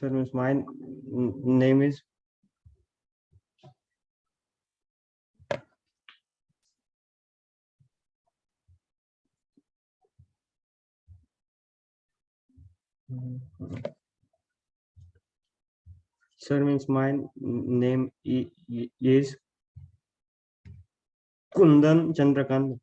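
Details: Male college student from Maharashtra, likely before stammering training, repeatedly restarting his self-introduction with long silent pauses that appear to be blocks; stuttering.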